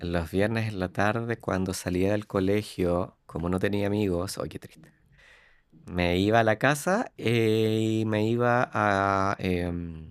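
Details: Adult man who lives with stuttering, speaking Spanish; stuttering.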